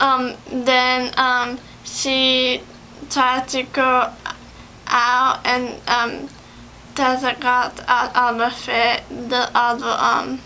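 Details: 17-year-old female in speech therapy in April 2011, about two months after an ischemic/hemorrhagic stroke on February 27, 2011 from a longboarding/snowboarding incident: aphasia (word-finding difficulty).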